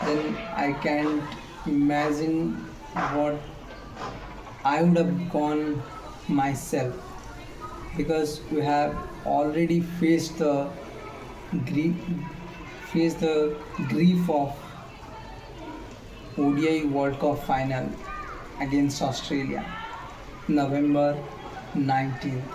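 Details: Male speaker with self-reported stammer; connected speech with pauses; stuttering.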